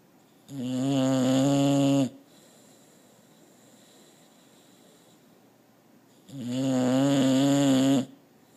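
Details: Two long, loud, rattling snores on the in-breath, separated by a quiet pause of about four seconds; ordinary snoring.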